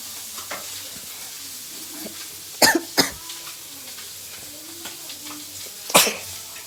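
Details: Sneezing during a snuff-sniffing sneezing challenge: two sharp sneeze-like bursts close together, then a third a few seconds later, over quiet room noise.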